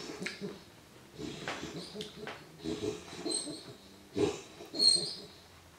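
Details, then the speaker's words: Puppy resting: snuffly, raspy breaths with a few thin high squeaks, not snoring; owner feared he was having a hard time breathing, seemed okay afterwards; noisy wheeze-like breathing. "Okay, that was not snoring. That was like a wheezing, or like, it sounded like he was having a hard time breathing."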